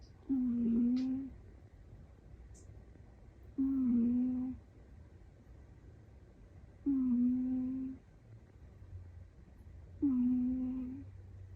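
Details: Four drawn-out, tonal 'puu' snores about every three seconds, around 18 a minute, in a quiet room; a sleeping cat snoring.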